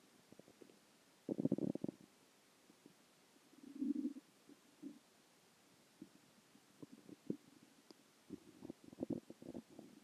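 Quiet gurgles and short bubbling rumbles in irregular bursts; ordinary stomach growling from gas and fluid moving through the gut.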